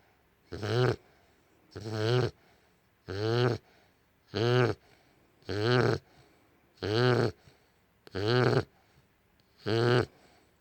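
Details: American Bully dog: crazy loud, regular rattling snores with quiet pauses, about eight in ten seconds, near 46 a minute; dog snoring.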